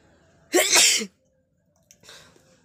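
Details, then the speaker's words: One loud, forceful sneeze with a sharp intake and a burst of air, then a faint sniff, from a person who says their eyes and nose are streaming and they are worn out from sneezing. "তোমাদের আমার অবস্থা তো দেখতেই পাচ্ছ কী অবস্থা, চোখের জল, নাকের জল, মানে হেঁচি পাততে পাততে অবস্থা খারাপ।"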